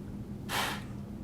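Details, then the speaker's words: Peak flow meter test training demonstration, third of three trials: after a deep breath, one short, hard, maximal forced exhalation into the meter, reading 370 litres per minute. "okay one more time deep breath blow as hard as you can"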